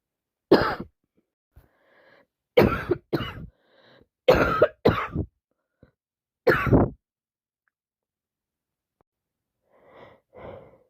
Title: Awful cold still here , sneezing, sniffing, blowing and some coughing